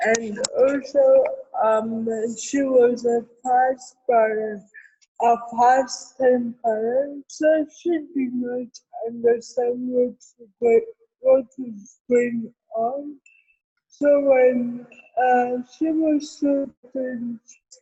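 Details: Adult woman born with cerebral palsy, real speech in an interview; dysarthria (cerebral palsy).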